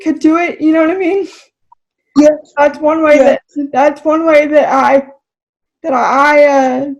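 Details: Adult woman with spastic cerebral palsy, a recent college graduate, speaking in a real podcast conversation; dysarthria due to cerebral palsy.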